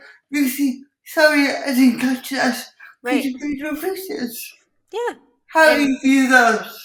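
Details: Dysarthria in an adult woman with cerebral palsy who says her speech is impacted; she also has involuntary movements and uses a wheelchair.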